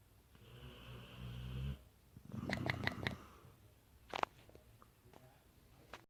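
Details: Dogue de Bordeaux (French Mastiff) snoring while asleep: a low rumbling snore followed by rapid fluttering flaps of loose cheeks on the outbreath.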